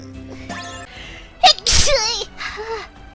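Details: A sneeze during a live stream.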